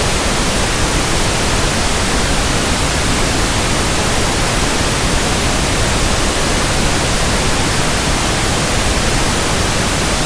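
Steady soft hiss of pink noise, a simulated sample for matching persistent tinnitus.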